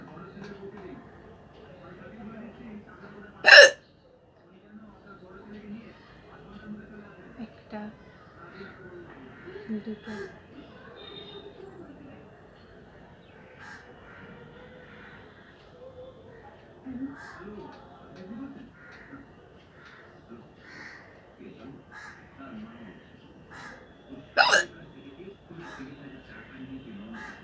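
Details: Real hiccups recorded for a hiccup challenge, without drinking water: two abrupt, sharp hiccups about twenty seconds apart over quiet background talk and music.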